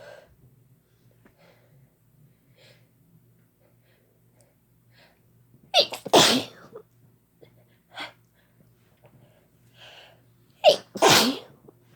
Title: Sneezing Together Using Chhinkni Again